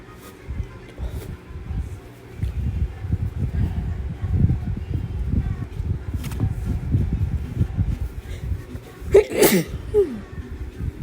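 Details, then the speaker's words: Sneezing induced by chhinkni sneezing powder: low room noise, then one forceful, partly stifled sneeze. The sneezer tried to stifle it, said it hurt badly and felt tense, and had probably never sneezed like this before. "Oh my god, it hurts so bad. very tense. Honestly, probably have never sneezed like this in my life. But hey, at least it works."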